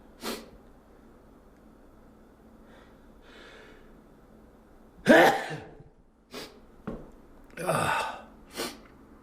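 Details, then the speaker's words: Adult tearing out old carpet in a dusty house announces a coming sneeze; building inhale, then loud explosive sneeze followed by snorts and breaths; sneeze triggered by dust. "that leaves the living room here i got a sneeze coming"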